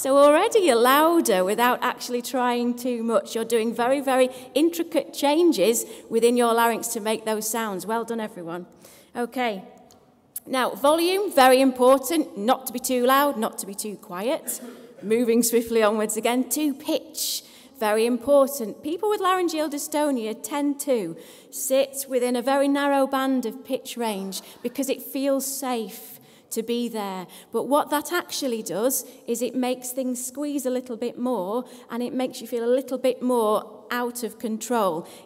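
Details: Adult woman speaking; no voice disorder.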